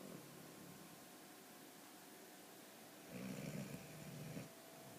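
Over steady room hiss, one soft, low, fluttering snore on a breath in; light snoring in a sleeping dog.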